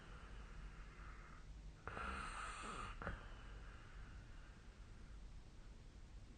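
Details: A single rough, rattling snore against quiet room noise from a sleeping adult, recorded with a snoring-tracking app on 27 February 2025.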